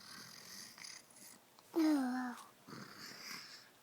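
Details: Baby snoring while sleeping: soft noisy breaths with one louder, drawn-out, tonal squeaky breath in the middle.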